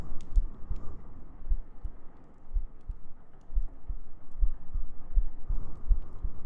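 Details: ASMR sleep aid in a girlfriend cuddling roleplay, with heartbeats, gentle breathing and humming: soft low thumps of a regular resting heartbeat at about 80 a minute under steady hiss and faint rustling.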